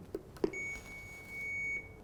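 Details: AED (automated external defibrillator) in a training demonstration of cardiac-arrest use: two soft clicks as the power button is pressed, then a steady high electronic tone as the device powers on.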